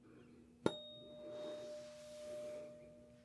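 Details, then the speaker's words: Simulated hearing-exam roleplay, Rinne test: a tuning fork is struck, placed on the mastoid behind the ear, then brought beside the ear, giving a sharp strike and a steady, slowly fading pure hum. "When it stops, I'll bring the tuning fork right next to your ear and you'll tell me if you hear it and if you do when it stops."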